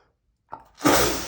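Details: Huge male sneeze: a short indrawn breath, then a single loud, explosive sneeze burst that fades out.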